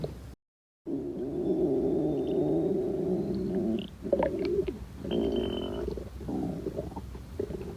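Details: Long low gurgling rumbles with bubbly squeaks and trills: stomach growling (borborygmi), gas and fluid moving through the gut.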